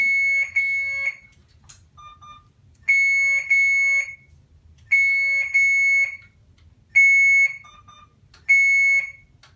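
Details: Loud repeating high-pitched electronic alarm tones in regular groups about every two seconds from an Alaris infusion pump after an air bubble was found in the line and the secondary infusion was restarted.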